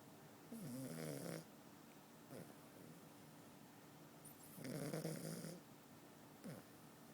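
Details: Pug snoring in the morning: long rattling snores with short snorting catches between them, a rough, vibrating sleep snore from a flat-faced dog.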